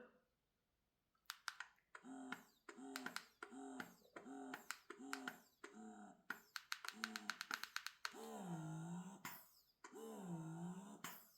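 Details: A quiet pump makes rhythmic whirring suction cycles with clicks, about one a second, then slower, longer draws: a Yui E20 wearable breast pump on its highest setting during a decibel noise test.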